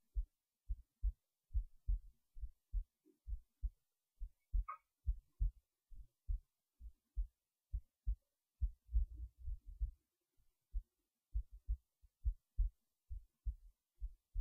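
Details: Heartbeat while resting in bed late at night before sleep: quiet, regular lub-dub at about 68 beats a minute in a still room; normal resting heartbeat.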